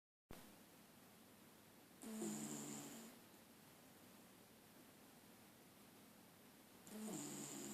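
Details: Dog asleep and very tired: two slow, drawn-out wheezy snoring breaths about five seconds apart; snoring.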